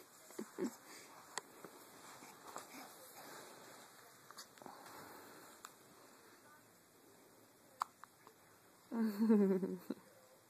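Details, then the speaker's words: Child with hiccups telling their father about them: in a quiet room, a few brief, sharp catching sounds spaced several seconds apart, then a short voiced sound from the child. "See, Daddy, I have the hiccups. I have the hiccups, Daddy."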